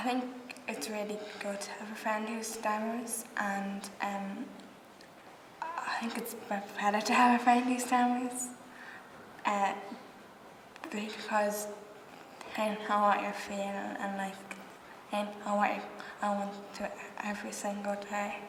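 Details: Stammering with word repetitions in a young member of an Irish youth theatre group for people who stammer.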